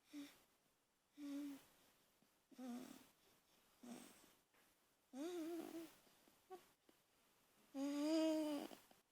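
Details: Noisy breathing during sleep: regular breaths with soft snoring and whistly, hummed tones on each breath, about seven breaths a minute.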